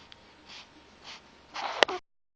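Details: Roughly 3-week-old baby boy in a quiet room: two soft sniffs, a quick catch of breath, then a single sharp tiny sneeze with a brief trailing exhale.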